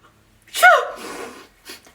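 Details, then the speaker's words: Single loud voiced sneeze in a staged comedy skit, with a rising 'ah' onset and hissing release, then a brief breath. "Oh, someone is thinking about you. Really? Now someone is cursing you."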